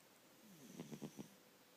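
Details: Sleeping cat snoring: one brief, low, fluttering snore of about four rapid pulses during a breath.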